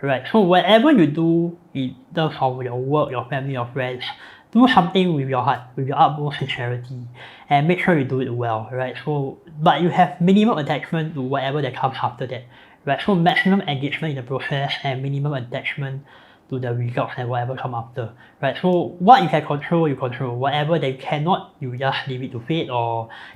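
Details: Man born with cleft lip and palate; palate repaired, with numerous facial surgeries from age 13; speech impediment since childhood, difficulty pronouncing words such as 'feedback'; cleft palate speech.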